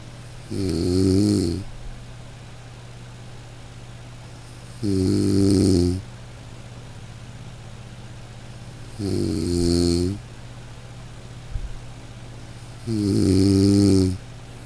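Regular loud buzzing snores on each breath in, about 14 a minute, over a steady low hum.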